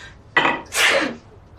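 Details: Single sneeze with a quick indrawn breath then a loud hissing burst, acted by a woman in a drama scene (episode 14) where characters have caught a cold.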